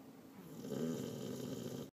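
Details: A single low, rattling snore on an in-breath, under two seconds, from a female who is fast asleep; snoring.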